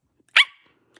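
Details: Bark-like vocal tic in a young woman with Tourette syndrome during a livestream while showing her shelf: a single sudden, loud burst in near silence.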